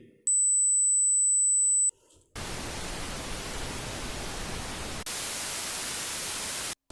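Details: Simulated tinnitus: a steady high-pitched whistle, then loud static hissing noises of differing character, illustrating tinnitus types such as whistling, buzzing or pulsing heard without any external sound.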